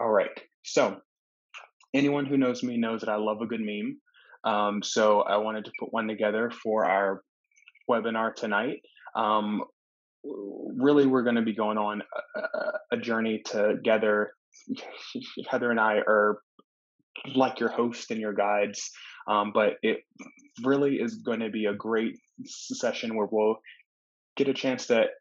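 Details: Adult man who stutters, with pauses and speech disruptions; he says severity varies, worse on some days or in some situations; stuttering.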